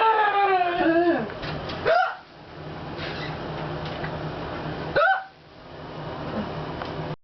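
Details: Girl with a frequently recurring hiccup attack: two abrupt, sharp vocal catches several seconds apart after brief speech in a quiet room; hiccups.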